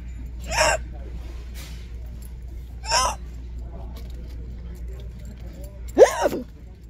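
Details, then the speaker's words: Person with persistent hiccups for about five years, recorded while walking in a store: three abrupt, sharp hiccups roughly two to three seconds apart over steady store background hum; nothing has been working to stop them. Hiccups. "I don't know nothing has been working lately for them I've been getting the hiccups consistently for the past several years maybe like five night yes years"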